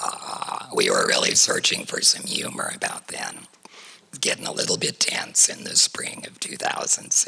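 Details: Adult woman whose larynx was surgically removed for cancer, speaking without a larynx; alaryngeal speech after laryngectomy.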